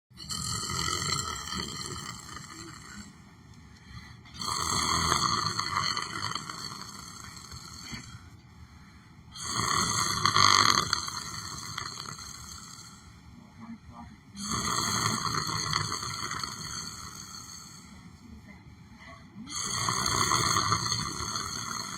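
Loud, rasping, buzzing breaths recur about every five seconds, roughly 12 a minute, with quieter stretches between: snoring during sleep.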